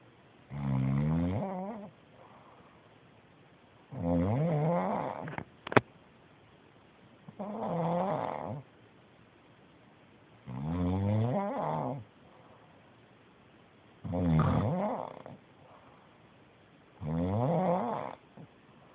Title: Snoring Zzz